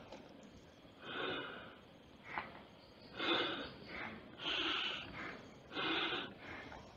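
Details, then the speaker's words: Repeated airy whooshes as a hand-squeezed AMBU resuscitator bag pushes air out through its patient valve and refills, roughly once a second; manual bag being shown before conversion to a homemade ventilator. "now if you press some air will go through this and if you relax it air comes from here"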